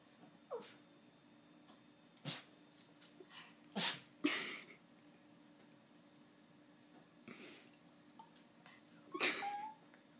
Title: Hilarious dog sneezing and whining